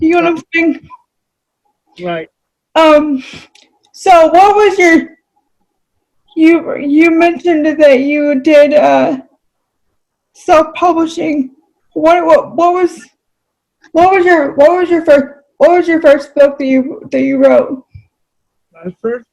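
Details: Adult female with cerebral palsy; dysarthria (cerebral palsy).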